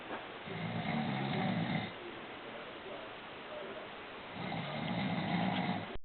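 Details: Two long, low rattling snores about four seconds apart, with quiet breathing between them, from someone fast asleep; snoring.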